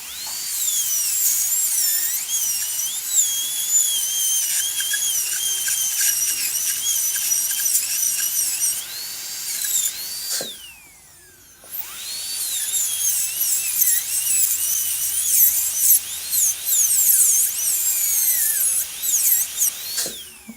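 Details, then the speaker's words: Air-driven dental handpiece cutting a seized nut on a low-speed Midwest Shorty handpiece: shrill high-pitched whine rising and dipping as it cuts, with a brief pause. "So we'll try not to go too deep, but this one was really seized up, so we'll see what we can do here now."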